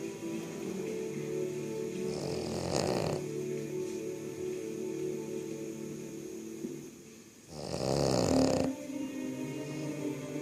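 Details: Boston terrier, red, snoring loudly while asleep: two loud, rasping snores about five seconds apart over steady television sound in the background.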